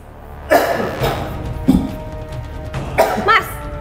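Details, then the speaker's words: Person coughing, saying they are only coughing and sneezing because they are sick, in a clip on cough and sneeze etiquette. "Saya kan batuk doang. M bersin. Namanya orang sakit masalah saya."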